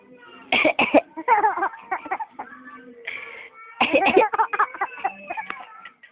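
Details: Two short bursts of coughing from an adult, each followed by a baby's laughter; cough.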